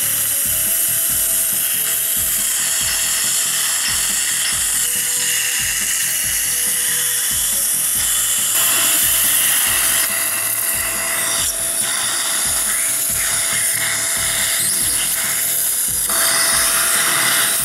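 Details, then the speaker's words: First pilot drill, 2.0, of a dental implant osteotomy in guided, flapless All-on-4 surgery on a maxilla: a continuous high-pitched whine with a steady tone. "I'm gonna start with the implant osteotomy according to the same plan guideline this is 28 relent and 2.0 this is the first fire drill"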